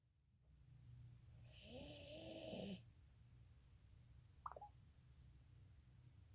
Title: MY DOG IN A SNORING MODE #shorts